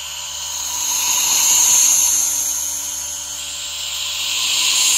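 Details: ASMR relaxation recording of a nebulizer running alongside a misting humidifier: a steady high-pitched airy hiss over a faint hum that swells and eases slightly.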